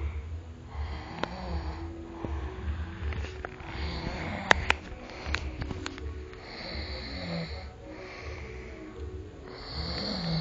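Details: Adult snoring: low, rough, rattling breaths repeating over steady room noise with faint music.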